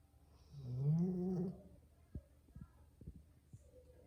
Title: 래브라도 리트리버 코고는 소리 (Labrador’s snoring sound)